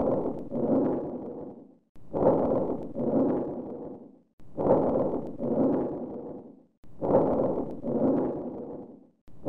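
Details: Vesicular breathing with prolonged expiration: soft rustling breath sounds with a long, drawn-out expiration, about 25 breaths a minute.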